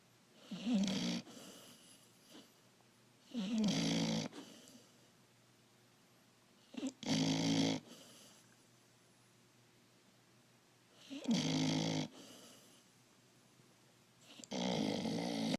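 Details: Young puppy snoring: loud rattling snores on each breath in, about 5 in 15 seconds, with quiet pauses between them; ordinary snoring.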